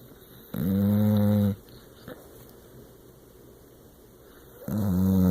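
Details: Two loud, low, buzzing snores about four seconds apart with quiet breathing between, from a sleeping dog tired out after a day of hiking.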